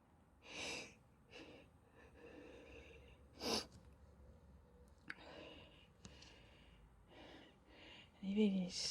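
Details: Person sneezing and sniffling near the end of a recent cold: several soft, breathy sneeze bursts and sniffles in a quiet room.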